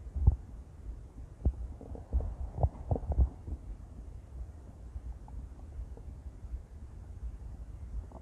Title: intense stomach growls | (!!) - [REUPLOAD]